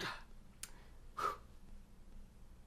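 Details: Staged comedy sketch, not a real episode: a man's crying passed off as a long sneeze blamed on allergies; two quiet, brief sneeze-like bursts of breath against faint room noise.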